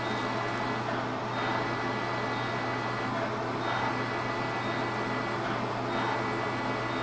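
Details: Fractional CO2 laser (dot therapy) resurfacing of an adult woman's sun-damaged hands, knuckles and fingers, described as a little painful: steady mechanical hum with faint, slow, rhythmic swells as the laser runs.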